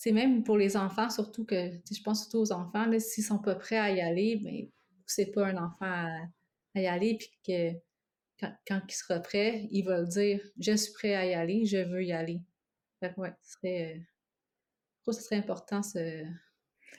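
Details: Adult woman who lives with both stuttering and cluttering: cluttering with stuttering.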